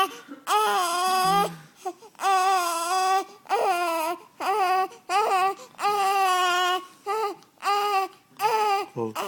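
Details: Infant having repeated hiccups, with voiced crying bouts each about a second long and brief catches of breath between them: an infant cry.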